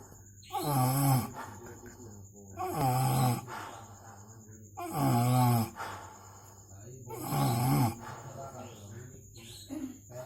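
Four loud, rough, groaning snores on the in-breath, separated by quieter breathing; heavy snoring in sleep.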